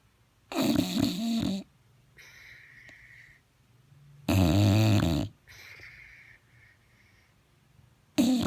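Loud, harsh snorting snores with fluttering rattle, each followed by a quieter whistling breath out; snoring from a short-nosed dog.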